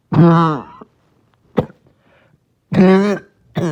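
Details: Barking cough in a person trying not to choke: loud, harsh, voiced coughs with a hoarse, honking quality separated by short gasps.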